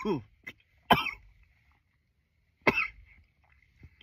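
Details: Three sharp adult cough bursts, each with loud explosive onset and short fading tail, separated by quiet gaps; repeated coughing from a roughly 10-minute coughing recording.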